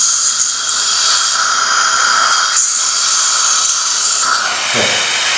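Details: Steady high-pitched whine of a dental surgical drill running continuously with hissing water spray during immediate implant placement in the aesthetic zone after a fractured old tooth, with a small bone defect seen on cone beam CT.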